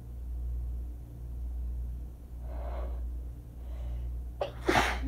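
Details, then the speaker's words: A soft breathy intake then a sharp explosive sneeze over low room hum, during an allergy attack after waking from a nap, with itchy eyes and itchy nose and throat; rough, scraping sneezes. "And I had only sneezed like a few times, but they were like rough, they were like the kind that like scrapes, you know."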